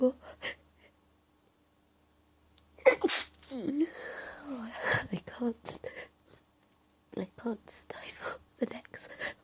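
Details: Several stifled, held-back sneezes in close succession with sniffs and quiet breathy sounds between them, a natural sneezing fit from an allergy attack while hiding.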